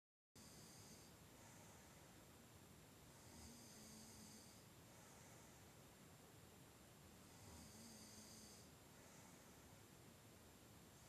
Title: Sleep and Snoring